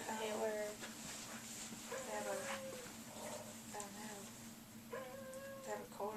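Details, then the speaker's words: Simulated wheezing played on a patient simulator: repeated high, musical whistling tones with breaths over a room hum, as in an asthma attack with constricted airways. "something yeah if they have a cold that's good they have asthma and they wanna make an asthma attack this is when all like your airways that go to your lungs they just construct like this"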